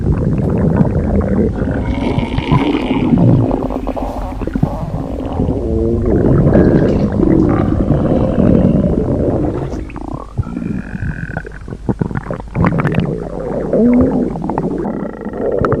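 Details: Comedic stomach noises from a T-Mobile bot character in Gorilla Tag, probably not a real body: low gurgling, squelching rumbles with shifting pitch, like gas and fluid moving through the gut.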